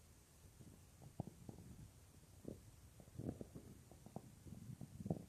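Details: Real stomach growling of a female creator, recorded as roleplay audio of lying on her stomach: low gurgling rumbles and brief bubbling pops coming and going over a few seconds, ordinary borborygmi.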